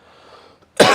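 A single sharp, loud cough bursts out after quiet low room noise.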